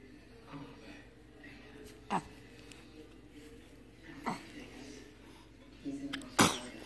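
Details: Several short, sharp sneezes over quiet room noise and soft voices; someone then says "bless you."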